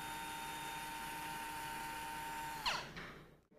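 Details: Steady high-pitched whine of a surgical power drill running, then winding down as pins are removed from a dry-bones femur/tibia model during a total knee replacement demonstration (Wright Medical Evolution implant), no soft tissue.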